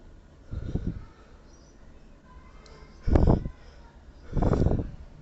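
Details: Person with a very sensitive nose gives three forceful, somewhat muffled sneezes in quick succession: powerful allergy sneezing fit.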